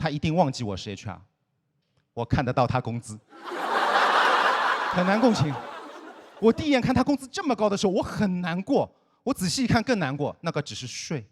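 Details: Comedian who stutters, performing stand-up; stuttering.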